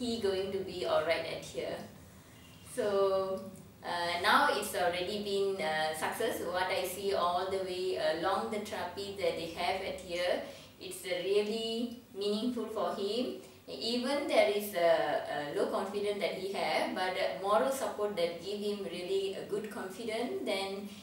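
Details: Adult woman; typical speech.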